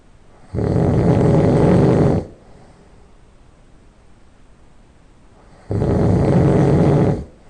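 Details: Person who just fell asleep: two loud, rough, low rattling nasal snores about one and a half seconds each, separated by quiet pauses; loud nasal snoring.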